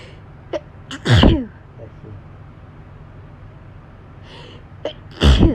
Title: Hayfever sneezes bless me